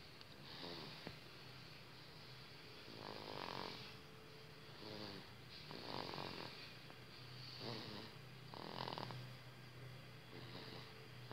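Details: Soft, rhythmic snoring with rough fluttering on each breath, about 23 breaths a minute, from a sleeping baby in a quiet room.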